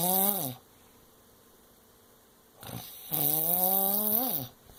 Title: Most annoying snore ever